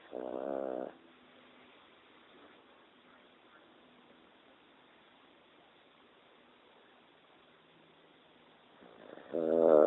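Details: Sleeping Boston Terrier snoring: two rough, vibrating snoring breaths separated by a long quiet pause.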